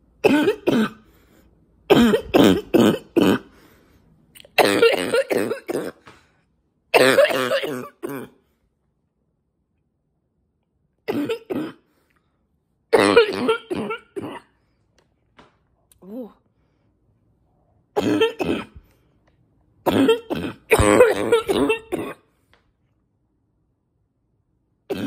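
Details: An adult who reports feeling more congested lately, possibly from allergies, gives harsh barking coughs in repeated bursts with a wet, congested quality between them.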